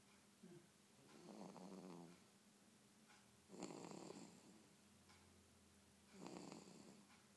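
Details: Snoring from a sleeping girl: three loud, rough, rattling snores on inspiration at about 24 breaths a minute over quiet room noise.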